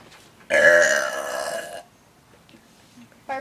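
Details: One long, loud, drawn-out burp from a cartoon character called Bob, performed as a big comic finish with faint background sounds; deliberate comic belch.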